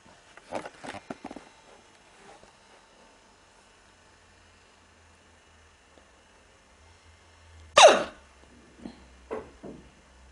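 Several short, abrupt catching sounds in a quiet room, separated by pauses, consistent with hiccups.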